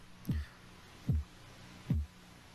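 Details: Korotkoff sounds heard by stethoscope at the elbow while the blood pressure cuff is slowly released, the heartbeat becoming audible as cuff pressure falls.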